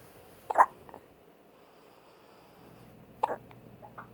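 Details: Two short, sharp, involuntary gulping sounds about three seconds apart against a quiet background, typical hiccups, on day 1 of hiccups.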